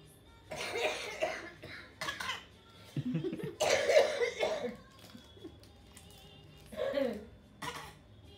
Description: This 11 month old baby is copying elders around and faking cough